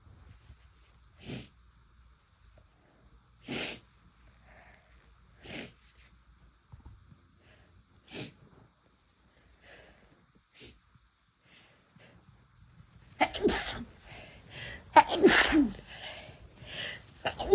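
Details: Induced sneezing after first-time use of chhinkni sneezing powder: several sharp sneezes a few seconds apart, then a louder cluster of forceful sneezes and snorts; worked stronger than expected.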